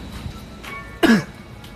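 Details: A single short, throaty cough or throat-clearing burst from an adult, heard over soft background music.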